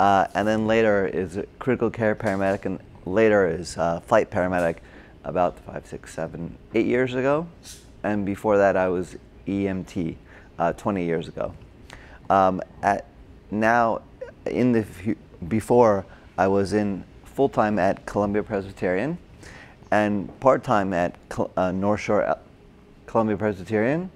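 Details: Adult man with aphasia from a stroke during heart surgery in 2007, about 10 years earlier, treated with OT, PT and speech therapy; difficulty with names, numbers, reading and writing; agrammatic with word-finding errors; Broca's (expressive) aphasia.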